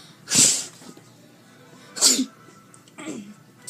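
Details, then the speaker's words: Simulated sneezes, not real: three hissing fake sneeze bursts, the last softer, each a second or two apart, performed as a prank with a water spray bottle. "Sorry about that. I have sneezing problems. It's because I'm sick."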